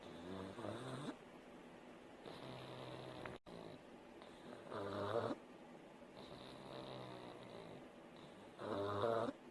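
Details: A sleeping pug snores with slow, rhythmic rattling on each breath in, about 15 a minute, with quieter breaths out.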